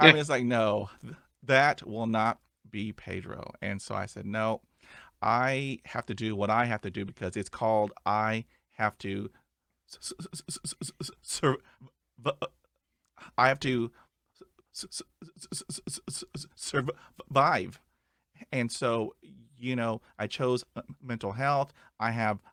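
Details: Adult male who still stutters and describes blocks and repetitions; here he repeats words and phrases and hesitates. Finding: stuttering.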